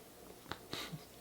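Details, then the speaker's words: Pet pug starting to snore while asleep in a quiet room gives two brief, noisy nasal snorts; the owner says it snorts all the time. "I'm telling you, he gets more like a pig every single day. I thought we got a pug. Turns out we got a pig. Got a little curly tail, and he snorts all the time, and he eats like it's nobody's business."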